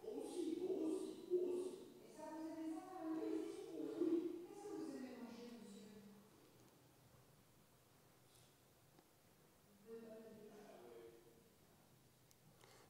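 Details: Male patient with very severe Broca's aphasia: massive expressive difficulty and agrammatism; he can still say yes and no and sometimes repeat a fragment just said to him. Finding: severe nonfluent Broca's aphasia with agrammatism.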